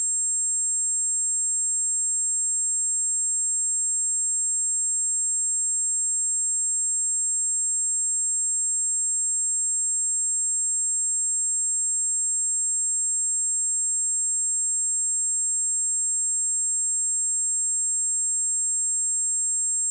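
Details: Simulated tinnitus, 7500 Hz pure tone for sound therapy: steady, very high-pitched tone like constant ear ringing.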